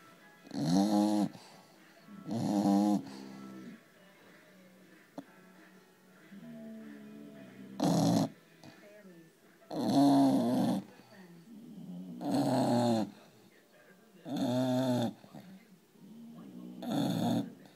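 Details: 4-month-old English Bulldog puppy sleeping: loud rhythmic snores roughly every two seconds, with quieter whistling and wheezy breaths between them; snoring.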